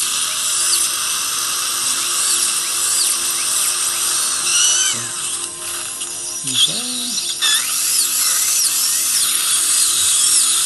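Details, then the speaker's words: Continuous high-pitched whine of a high-speed dental drill, briefly easing off, sectioning a lower left third molar about two-thirds through during surgical extraction; faint music behind. "Very nice. And go around two thirds of the way through the tooth."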